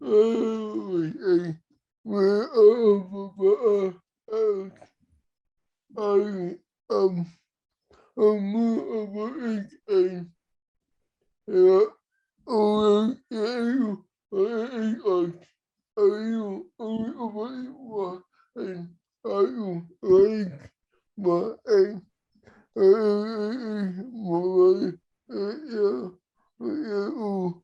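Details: Man with cerebral palsy who has difficulty communicating verbally and sometimes uses an iPad to communicate; speech largely unintelligible to automatic transcription; dysarthria (cerebral palsy).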